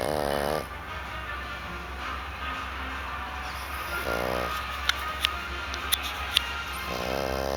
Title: snoring dog